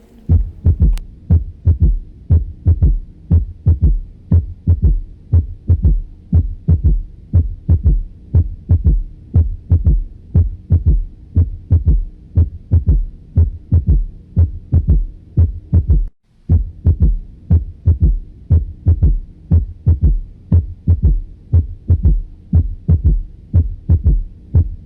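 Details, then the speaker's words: Third heart sound (S3) gallop at about 60 beats/min: soft low-frequency extra sound immediately after the second sound, best heard with the stethoscope bell at the mitral area. "a continuación escuchamos el tercer ruido cardíaco que está inmediatamente del segundo ruido hacer un ruido de baja frecuencia se escucha mejor con la campana del estetoscopio"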